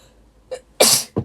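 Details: Japanese girl: a brief in-breath followed by one sharp, hissing sneeze with a short vocal tail; a single ordinary sneeze from a sneezing compilation.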